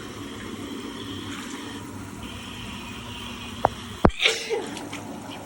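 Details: Sneezes in the shower over steady running water: two sharp bursts near the end, one followed by a fuller burst and trailing air.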